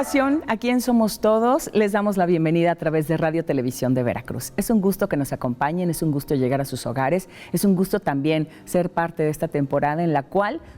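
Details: Adult woman speaking Spanish; normal speech.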